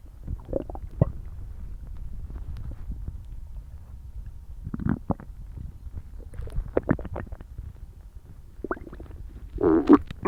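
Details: Borborygmi: loud, irregular gurgling and rumbling abdominal noises in bursts, recorded after eating a meal for the first time in a while.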